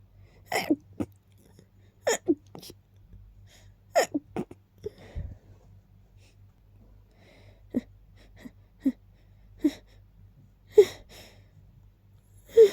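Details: Sneezing fit after smelling lilies kept nearby: a series of sharp sneezes, several in quick succession with brief inhaled build-ups between them.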